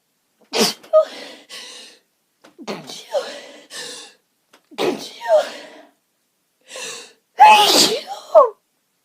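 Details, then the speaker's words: Four loud sneezes in a row, each with a sharp breath in before it and a short vocal sound after, on a sneezy day: sneezing fit. "So, um, I've been having a bit of a sneezy day today, but nothing"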